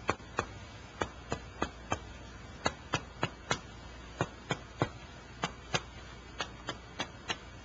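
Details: Normal chest percussion note, resonant over lung with dullness at diaphragm.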